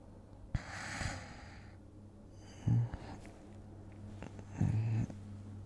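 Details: Simulated ASMR role-play of falling asleep next to a boyfriend: acted light snoring, two soft low rumbling snores a few seconds apart with quiet rustling, in a small room.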